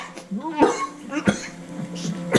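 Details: Acted cough by an adult in a 2007 CBS soap opera, As the World Turns, recorded from broadcast TV on VHS: a few sharp, staged cough bursts with voiced, throaty sounds between them.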